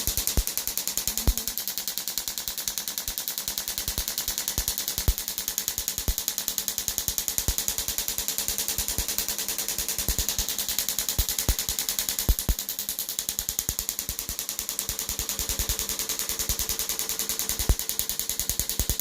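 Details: Rapid rattling clicks, about ten a second, from an EPAT shockwave device at 10 Hz and 2 bars on a patient's Achilles tendon; second session, for Achilles tendonitis with some thickening.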